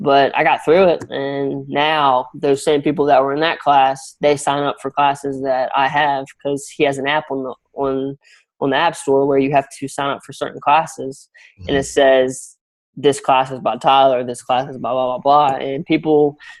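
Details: Young adult male college graduate with a stammer, in speech coaching using techniques such as extending words and daily audio practice; stuttering.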